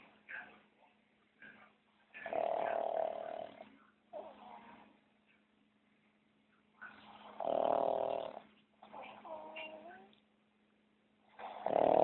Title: snoring while he sleeps